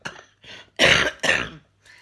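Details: An adult kept awake at night by insomnia gives a run of dry, harsh coughs, two loud bursts between softer ones, in a repeated, constant hacking pattern.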